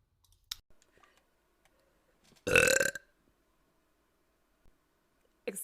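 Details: A single loud, drawn-out burp of about half a second from a woman during a livestream, with quiet clicks and small mouth sounds around it. She says she burps a lot.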